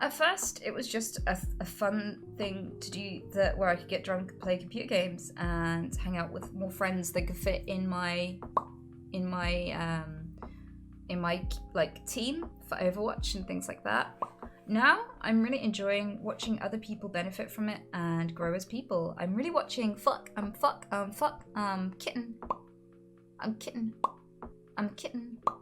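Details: Woman with Tourette syndrome: involuntary vocal tic interjections occurring mid-speech.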